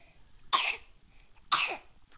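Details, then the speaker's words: A baby coughs while a parent comments on his "real bad cough." "oh and I have real bad cough have real bad cough I have a real bad cough huh"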